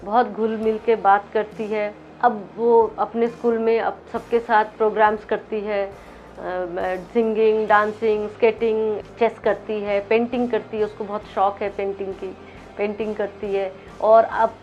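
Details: Adult woman speaking Hindi; Normal adult speech.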